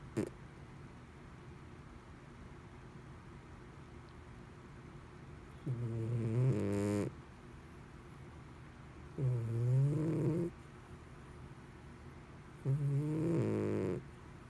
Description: My cat snores like a human . Loud at times too .